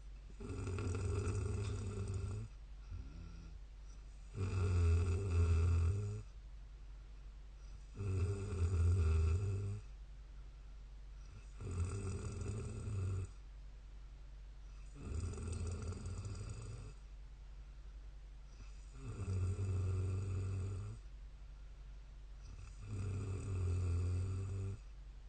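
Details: Snoring of a 31-year-old woman sleeping: steady, low-pitched rattling snores, one with each breath, about 16 breaths a minute, in a quiet room.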